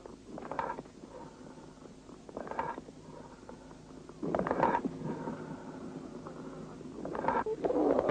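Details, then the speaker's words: Hollow, blowing, jar-like resonant breath sounds heard by stethoscope auscultation over a lung cavity or abscess: amphoric breathing. "при воспалительном уплотнение доли легкого выслушивается бронхиальное дыхание а при наличии каверны или абсцесса амфорическое дыхание"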